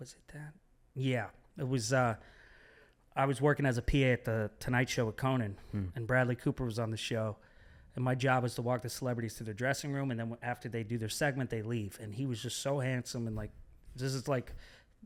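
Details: Adult man speaking; normal speech.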